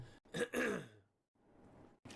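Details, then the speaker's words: An adult man with a sore throat, scratchy stuffed-up voice and a flu he is getting over clears his throat in a couple of harsh, rough bursts, then exhales quietly. "Sorry, guys, I'm actually battling a little bit of a sore throat here. I'm getting a little bit sick."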